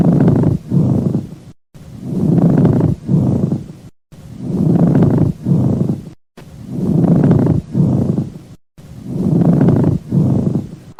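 Coarse, grating creak with each breath, about 26 a minute, like leather rubbing: pleural friction rub from inflamed pleura.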